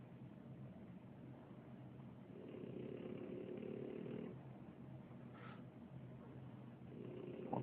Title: Snores